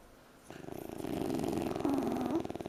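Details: Two French Bulldog puppies sleeping on a couch: rapid fluttering, rumbling breath noise; snoring.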